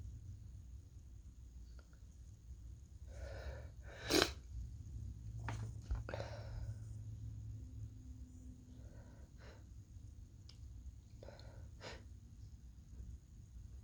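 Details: Repeated sneezing from a person sick for the last few days with a possible cold: a loud, sharp sneeze, then several smaller bursts and sniffs in quick succession, over a quiet room with a steady hum.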